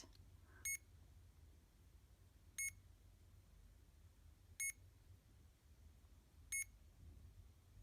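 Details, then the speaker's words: CADD Legacy infusion pump used for epoprostenol or Remodulin in pulmonary hypertension, switched on: four short high beeps about two seconds apart over room hum, a normal start-up self-test. "the pump's going to complete a self test so with each screen it will beep and there will be six beeps at the end"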